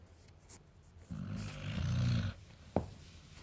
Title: American Akita snoring! So funny!!